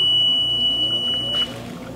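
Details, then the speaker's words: Alpine Oxygen 10 lpm two-person oxygen concentrator being powered on: a steady high electronic tone lasting about a second and a half, then a low running hum; the power-on beep. "the final piece that will be in your supplies bag will be a four foot tube with the y attached to it already for a single user we will power on the unit"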